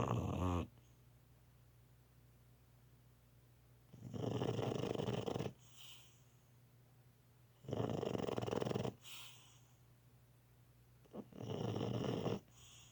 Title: Snoring Miss Molly